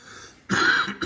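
After a quiet moment, an adult gives a single abrupt, harsh cough, with the start of another sound at the very end.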